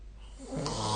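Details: Snoring during sleep recorded close by a phone with the SnoreLab app: a single short, rising rough snore during an in-breath.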